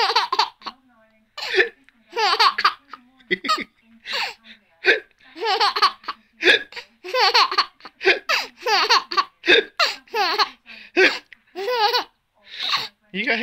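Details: A baby boy with hiccups.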